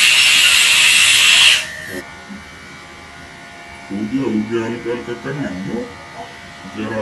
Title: Root canal treatment